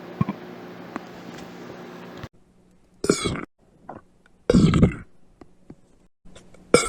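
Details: Trans girl practicing voluntary burping on command, including closed-mouth burps: three short, throaty belch bursts over faint room noise.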